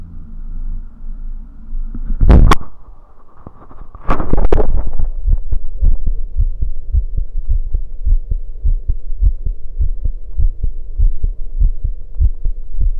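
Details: Heartbeat recorded after running: steady, quick, dull thumps at roughly 110 beats a minute after some handling noise; fast heartbeat after exercise.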